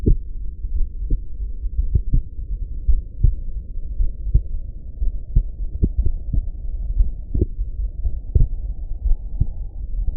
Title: Heartbeat auscultation stethoscope heart sounds - Erb’s point - customise parameters of sound